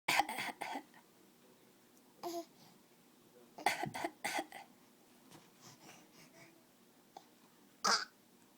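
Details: Young child gives about eight short, sharp coughs in small clusters, a deliberate learned trick done on purpose rather than illness: voluntary playful coughing.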